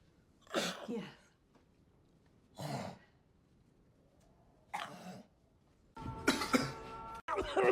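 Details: Acted coughs from a movie supercut; several separate coughs from different film scenes, then a burst of scene noise with music.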